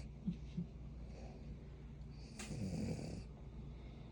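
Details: French Bulldog snoring.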